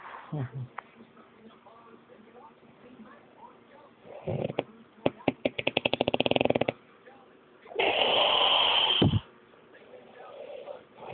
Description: My girlfriend recorded me snoring one night. You can't see anything but the audio is great!